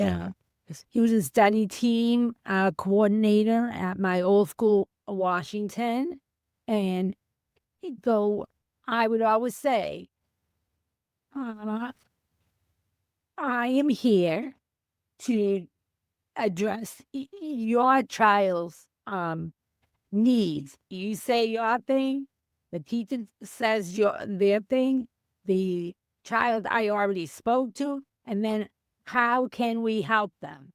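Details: Female teacher with aphasia after a stroke on January 28, 2010; she could not speak at all for three months and is now 15 years post-stroke; aphasia with hesitations, fillers and word-finding pauses.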